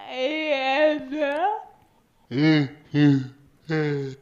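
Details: Two people with severe speech disorder saying the same utterance, likely unintelligible to listeners; severe speech disorder (unintelligible vocalizations).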